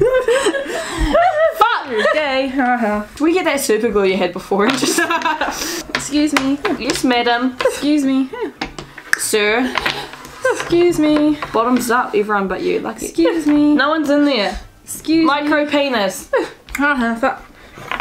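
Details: Person with Tourette syndrome; repeated "excuse me" tic phrases with coprolalia-like outbursts; vocal tics (Tourette syndrome).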